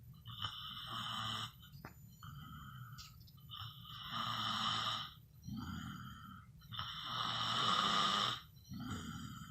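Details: Snoring: rasping, rattly snores on each breath, about 18 breaths a minute, with little break between breathing in and out.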